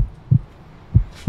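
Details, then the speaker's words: Two dull low thumps about 0.65 seconds apart, a normal heartbeat near 90 a minute, heard by an adult presenter through a stethoscope on himself in the back of an ambulance. "that's my heart beating i'm nice and healthy"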